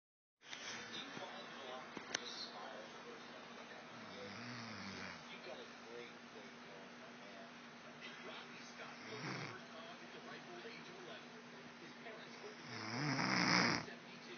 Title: Wife snoring loud